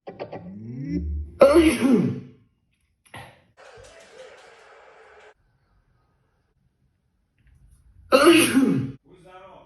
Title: Sneeze Prank 🤕 🤧 🤣🤣